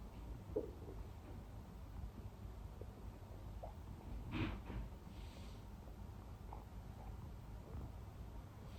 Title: stomach growling non-stop | close up